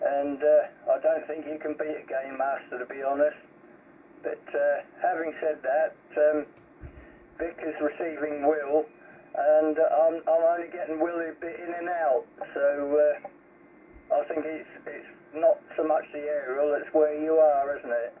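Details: Adult man over CB radio; normal voice.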